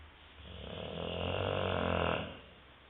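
A single long, rumbling snore that builds and fades over about two seconds: snoring.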